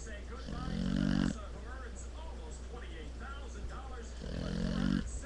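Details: Pitbull dog snoring louder than a grown man: two low, rumbling snores about four seconds apart, with snuffling noises and a steady room hum between them.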